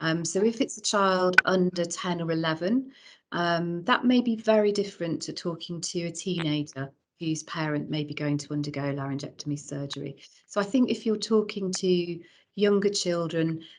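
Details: Adult woman speaking; normal voice.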